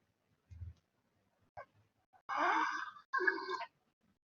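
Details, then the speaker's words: Sleeping young child with suspected laryngotracheitis (croup): harsh, high-pitched inspiratory stridor with respiratory distress, intercostal and subcostal retractions and xiphoid retraction. "Miren, o sea, estridor, ¿no?, con dificultad respiratoria, tiraje intercostal, subcostal y retracción sifoidea, ¿no?"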